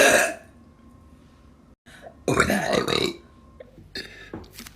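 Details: Compilation of relieving thick burps: several loud, drawn-out throaty belches with short pauses between; burping.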